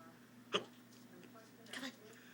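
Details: Pet bird: two short, abrupt hiccup-like chirps about a second apart over faint room noise, while the owner talks to it about drinking Coke.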